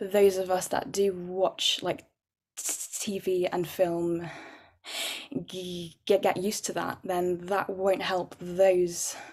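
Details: Adult woman who stammers, with repetitions and blocks, describing her speech as very overt; stammering (stuttering).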